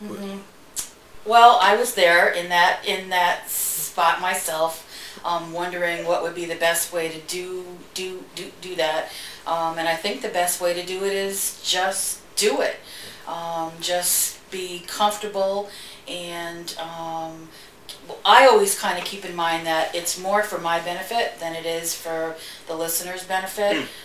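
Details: Adult woman who stutters, with frequent interjections: stuttering.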